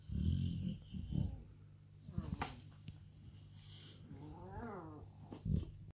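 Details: Bullmastiff mother and her young son (puppy) snoring while asleep.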